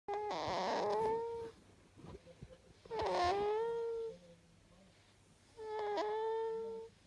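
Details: Gentle snoring: three soft, whistling, high-pitched sounds at about 22 per minute, one on each breath, with quiet pauses between.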